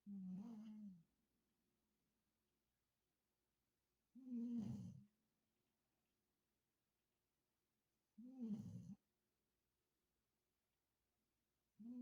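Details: Snoring: low buzzing snores with each breath, about 15 a minute, separated by quiet pauses.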